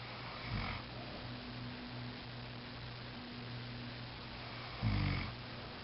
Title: Snoring